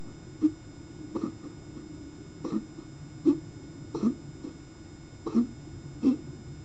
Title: coughing 29 Jan 21